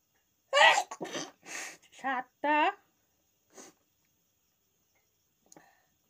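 A sharp, explosive sneeze burst, then short voiced sounds and a couple of soft sniffs in a quiet room.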